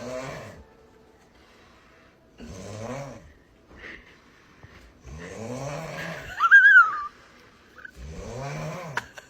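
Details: Loud rattling snores recur about every 2.5 seconds, with a brief whistling squeak at the end of one breath; snoring.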